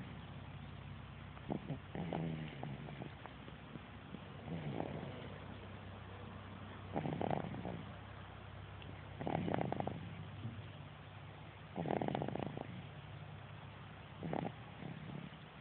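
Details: Person snoring during an afternoon nap: soft, irregular snoring at about 26 rattly breaths a minute over a steady low background hum.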